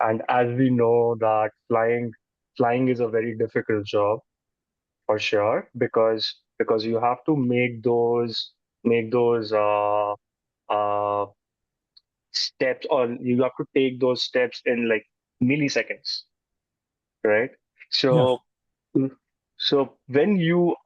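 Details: Adult man who says he stutters, with word and phrase repetitions heard; stuttering.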